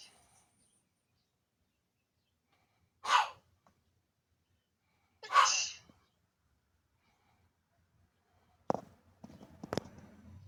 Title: pretty woman have nice sneezing